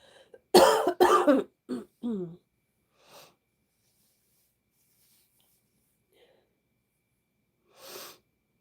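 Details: Two strong coughs, then a few smaller ones and scattered quiet coughs, from a tired woman streaming live who says her throat is bothering her and that she has found a doctor to see; cough.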